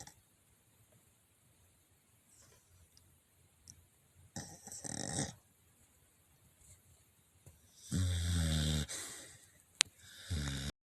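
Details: A dog, tired from running, sleeps on a bed: intermittent rumbling, snorting snores on inhalation a few seconds apart in a quiet room; snoring.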